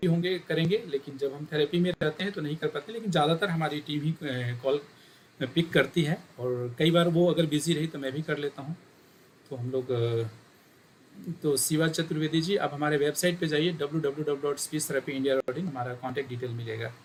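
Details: Adult male speaker; normal speech.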